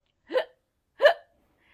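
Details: Baby hiccups, described as normal, possibly from a stomach full of milk or air: two short, sharp voiced hiccups about 0.7 seconds apart.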